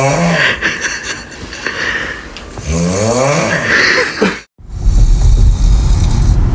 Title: Bro that a roar 😭#sleep #snoring